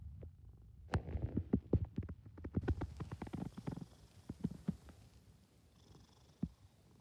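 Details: Sleeping cat snoring: soft, rhythmic, snuffling snores with brief clicks; ordinary snoring.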